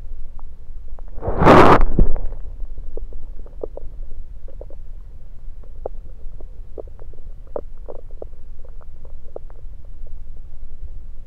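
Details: Stethoscope placed around the belly, focus on placement: a loud rub from the stethoscope moving, then scattered soft gurgles and clicks over a quiet hum; normal bowel sounds.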